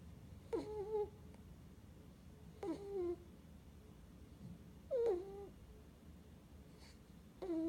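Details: Sleeping cat snoring, with soft, squeaky, whistling snores on each breath, about 29 breaths a minute.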